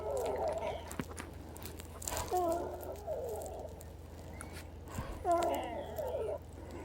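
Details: Female patient wheezing again despite a nebulized Pulmicort and DuoNeb treatment around 10 PM that the caregiver suspects was weak from low electrical voltage; loud musical wheezes with each breath, about 20 breaths a minute.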